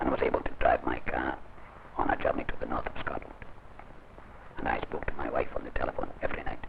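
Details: Oesophageal speech in a man without a larynx after laryngectomy, using air swallowed into the gullet; trained by another laryngectomee, he spoke numbers on day 8 after the operation and dropped his writing pad 2.5 months after it.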